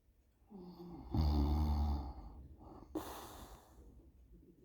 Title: Snoring (for sound clip) 20221207